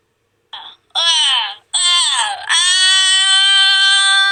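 Short high-pitched wails building into a sustained, shrill tonal cry; infant crying.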